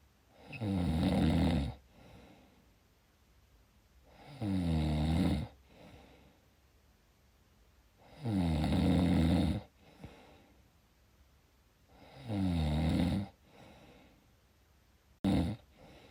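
Loud rattling snores on each breath in, about 16 breaths a minute, with quiet breaths out between them.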